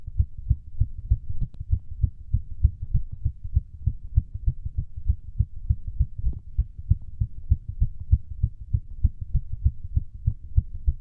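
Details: Fast, steady, deep thumping heartbeat at roughly 190 beats a minute, the person's fastest during a workout; rapid heart rate during hard exercise, a normal response.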